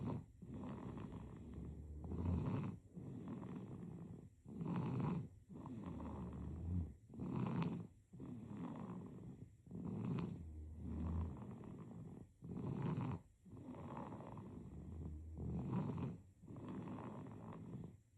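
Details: Sleeping baby: rhythmic soft snoring with each breath, about 23 breaths a minute; infant snoring.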